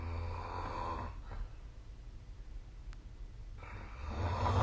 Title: 🐽 Snoring Sleep Sound / いびきの音